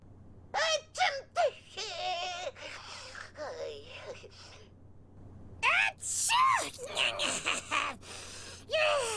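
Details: Imitated sneezes voiced for an anime character in several languages (Japanese, Spanish, French, German, Italian, Portuguese, Turkish): a string of voiced, sneeze-like exclamations with rising and falling pitch.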